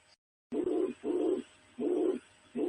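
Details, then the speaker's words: Simulated mitral regurgitation on a Harvey cardiology mannequin: long, higher-pitched blowing systolic murmur repeating each beat, reflecting blood reflux into the left atrium during systole; sounds distinctly different from aortic stenosis. "repare que esse som é bem diferente do anterior, que era da estenose aórtica, um som mais agudo, né? De sopro mesmo, que é o sopro da insuficiência mitral,"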